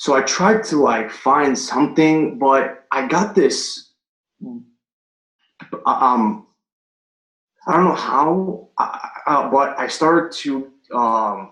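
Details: Adult male firefighter paramedic and Marine Corps veteran, stuttering since third grade, recorded before starting stuttering coaching (stuttering).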